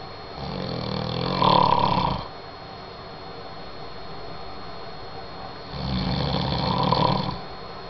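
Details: Two loud, rattling snores on inhalation about five seconds apart, with quiet breathing between; ordinary snoring.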